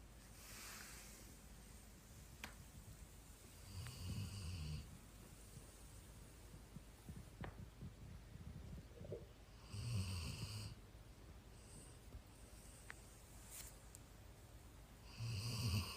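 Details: Snoring that has become louder with age: low, rumbling snores on each slow in-breath, about 11 per minute, in a quiet room.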